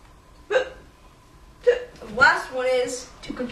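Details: Hiccups: two abrupt, short hiccup sounds about a second apart, then a brief voiced sound.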